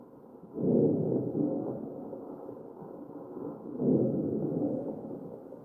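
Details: Crackles in a real ventilated patient, chest auscultation.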